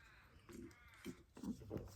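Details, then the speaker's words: Snoring from Sprocket, a struggling dog lying with his head on a pillow on the floor indoors: low, rough, loud vibrating snoring bursts, about four short snorts in two seconds, in a quiet room. "So he's got his head on a pillow on the floor behind me. So you will hear his snoring. Apologies for the very loud frequency of vibration of snoring that we all know as Sprocket."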